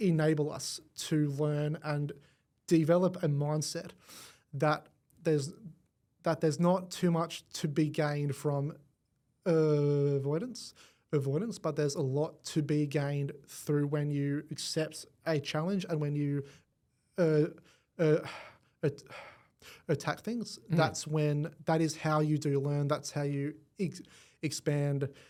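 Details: Adult man born with cerebral palsy affecting his whole left side; stutter described as a symptom of it, first noticed around age five, went away about a year then returned worse; treated with the McGuire Programme; stuttering.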